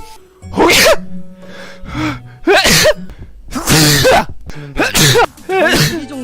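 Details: A man's sudden run of several loud sneezes in quick succession with voiced exclamations, over background music; sneeze.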